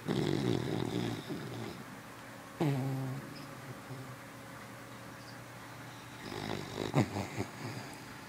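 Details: Sleeping Boston terrier/beagle mix puppy, described as a very loud snorer: rough, rattling snores and snorting breaths, uneven in timing; snoring.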